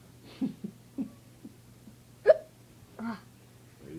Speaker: hey youtube um i have the hiccups right now and there's a myth that supposedly pickle juice will cure your hiccups